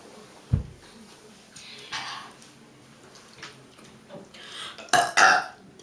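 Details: Girls' burp contest, deliberate belching: several loud burps against room noise, including two strong ones close together near the end.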